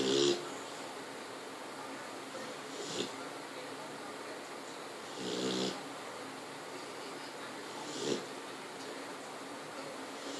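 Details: Sleeping pit bull snoring softly, about four breaths over ten seconds, with steady background hiss.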